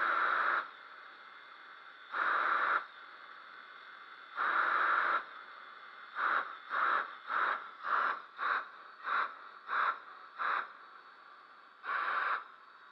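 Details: Homemade DIY ventilator built from a high-RPM quadcopter motor, Arduino and vehicle MAP pressure sensor, with forced-ventilation and breath-assist (PEEP) modes: regular whooshing air pulses, three long puffs, a run of short bursts, another long puff.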